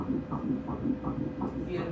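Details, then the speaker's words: Early pregnancy ultrasound, with the corpus luteum seen and the umbilical cord forming. Fetal heartbeat on Doppler gives rapid rhythmic whooshing pulses at about 160 beats a minute, described as excellent, nice and fast. "this is excellent everything's nice and fast"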